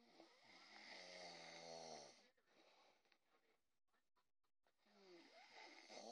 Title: Loud snore!!!